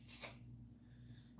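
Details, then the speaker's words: Pet's (Lenny's) unusual sneeze: a single short, sharp sneeze, followed by quiet room hum. "That's Lenny's weird sneeze. Do y'all hear it?"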